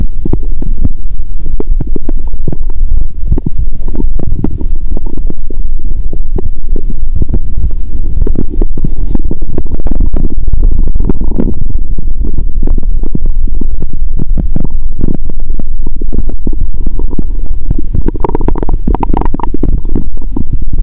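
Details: Stomach heard through own stethoscope after fasting over 15 hours, then eating Mentos; loud stomach growl; bowel sounds with gas bubbling.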